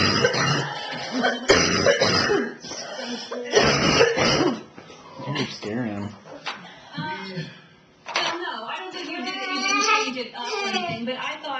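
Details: An adult woman, a mother watching her child dance, gives several harsh, rapid coughing bursts mixed with laughter, then breaks into sustained laughing. It is a coughing fit brought on by laughter, recorded in 2010 on a Flip Video camcorder.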